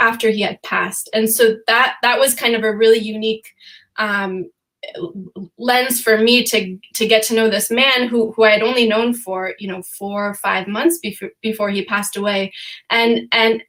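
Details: Stuttering in an adult female, real, who says she stutters sometimes, during a panel discussion.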